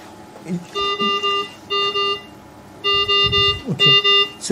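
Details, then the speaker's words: ICU ventilator in a COVID-19 ventilator training session for doctors and nurses: repeated groups of steady electronic alarm tones with faint room noise between; mechanical ventilator alarm. "you are you can hear some alarms coming up I will explain them there are two way two waves running along"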